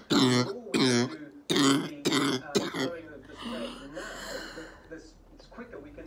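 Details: Adult woman recovering from COVID-19 at home, day 16: a sudden burst of harsh, forceful coughs, then strained, gurgling throat clearing; a choking coughing fit while dislodging a mucus plug.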